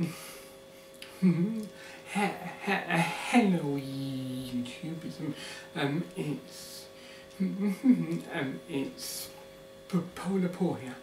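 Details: Adult man living with a stammer; stuttering.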